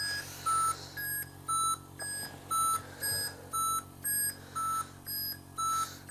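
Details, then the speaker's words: Simulated scene from a Latvian TV drama: a bedside medical monitor beeps steadily about once a second over a low room hum beside a bedridden grandfather. "Kas vispār besī ārā? Pīkst visu laiku."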